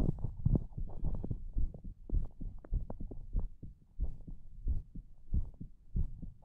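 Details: Heartbeat recorded for ASMR through a close microphone: muffled, fairly irregular low thumping at roughly 100 a minute, with some rubbing noise.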